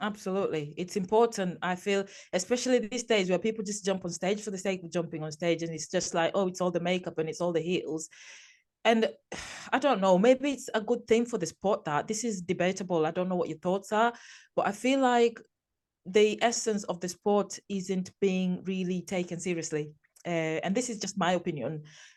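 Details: Adult woman speaking; normal voice.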